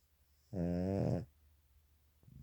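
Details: Dog that snores very loudly almost from the moment he lies down and falls asleep; one loud, low, buzzing snore under a second in a quiet room; owner worries about him; snoring.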